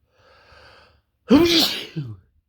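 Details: Sneeze during an intense cold: a soft indrawn breath, then one loud forceful sneeze with a short trailing vocal tail.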